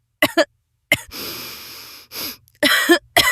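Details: Several short cough bursts with a breathy, hissing exhalation between them; an ordinary cough.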